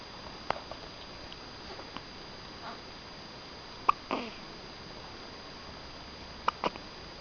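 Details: Infant wearing a bib has soft, brief catching sounds, about three in seven seconds, in a quiet room with steady hiss: hiccups.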